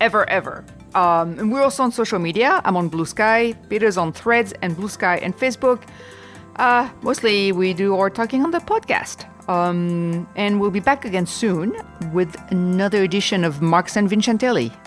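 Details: Adult speaker; ordinary speech.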